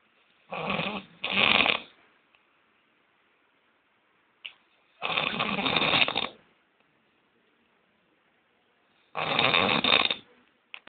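Harsh, rattling snores of about a second each, separated by quiet pauses of several seconds: loud snoring during sleep.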